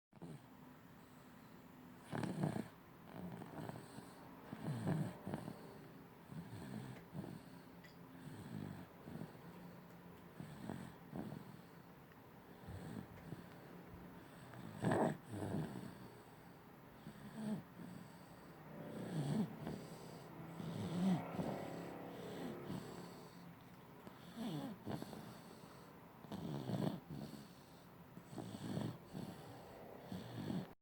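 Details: 8-month-old baby with stridor: low, harsh, snoring-like noise on repeated breaths; the condition later improved.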